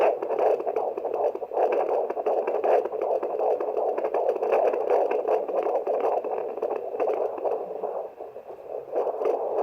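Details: Fetal heart rate check with a handheld fetal Doppler: rapid rhythmic whooshing pulses through steady Doppler hiss at roughly 158 beats per minute, fetal heartbeat.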